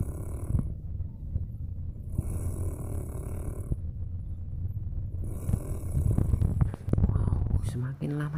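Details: A person snores during deep sleep: low, rough, rumbling breaths in repeated bursts with faint room noise, growing louder over time.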